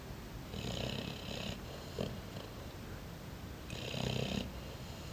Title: Napolitan Mastif snoring